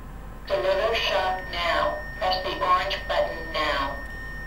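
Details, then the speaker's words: Recorded synthetic voice prompts with a faint steady hum as an automated external defibrillator analyzes a patient's rhythm after pad placement in a cardiac arrest first-aid training demonstration; AED voice prompts. "now the machine will now analyze the patient to see whether they need to be defibrillated it's very important that nobody touches the patient"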